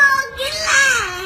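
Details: Young boy crying, upset at missing his mother's wedding: a high, wavering, voiced wail that rises and falls in pitch.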